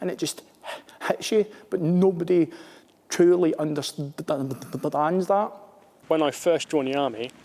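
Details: Adult male Armed Forces captain who stammers, speaking in an interview; stuttering.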